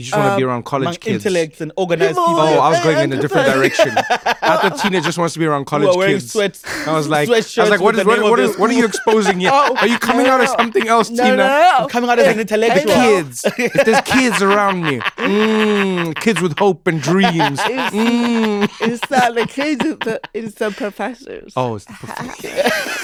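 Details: Adults in conversation; typical speech.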